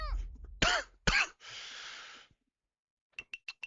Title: Sorry, lots of coughing noises in this one | Mahjong Soul | Riichi Mahjong | Episode 137